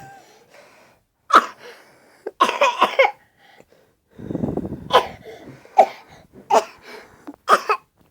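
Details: A 3-year-old child, trying to get a spoon of cough syrup, makes several short, forced cough sounds; a voluntary fake cough.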